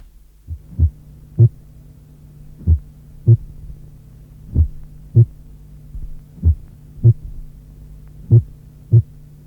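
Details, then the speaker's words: Slow heartbeat, about 32 a minute, with a first heart sound varying in loudness from beat to beat: bradycardia with atrioventricular dissociation. "Notez la bradycardie et l’intensité variable du premier bruit cardiaque en cas de dissociation atrioventriculaire."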